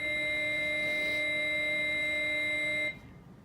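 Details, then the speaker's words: Adult AED training demonstration, pads placed upper right and lower left chest: voice prompts "shock advised, charging, everyone stand clear" with a steady high electronic tone of about three seconds signalling the defibrillator is charged and ready to shock. "follow the device's directions shock advised charging everyone stand clear clear"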